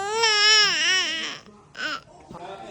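A newborn's loud, rising wail breaks off, then returns in a shorter cry; a rhythmic 'neh' hunger cry.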